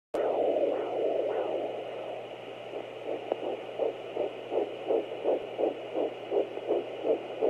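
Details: Fetal heartbeat at 10 weeks 3 days of pregnancy on ultrasound Doppler: rapid, regular whooshing beats at 164 beats a minute.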